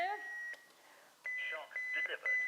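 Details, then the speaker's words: HeartStart XL live defibrillator used as an AED in a simulated cardiac arrest training scenario: steady high-pitched alert tones with brief synthetic voice prompts as it charges and readies to shock after the patient and bed are cleared. "if a shock is indicated the AED will begin charging once charged again clear the patient and the bed before shocking"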